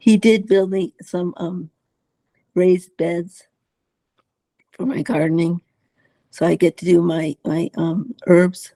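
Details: Dysarthria in an adult woman with multiple system atrophy; uses a voice enhancer to amplify her voice at times, has had speech therapy, and has swallowing problems.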